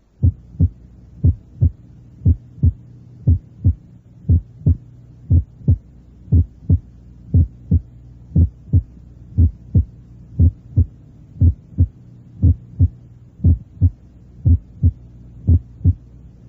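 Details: Normal split first heart sound.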